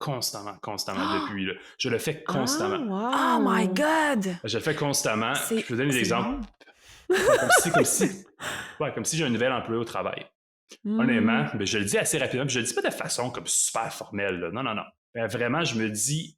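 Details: Adult man who lives with stuttering and calls himself a "chatty stutterer": stuttering.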